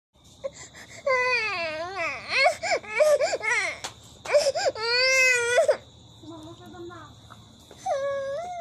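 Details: A baby crying for ice cream: loud, wailing cry with rising and falling pitch in bursts, broken by brief sobbing breaths; an ordinary infant cry of upset.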